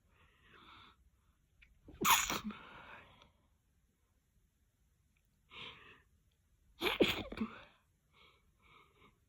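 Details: Repeated sneezing after long build-up: quiet build-up breaths precede two loud, wet, explosive sneezes, each trailing off with sniffly breathing.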